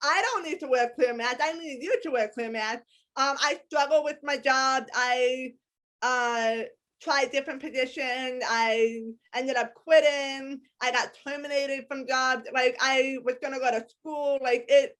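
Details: Adult woman with a lifelong disability and a speech impediment despite extensive speech therapy; speech impediment.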